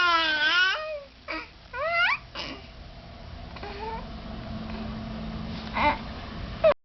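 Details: Baby girl yelling for joy after sneezing earlier: loud, high, wavering infant yells and cry-like squeals in short bursts, then quieter babbling and room noise; infant cry/vocalization.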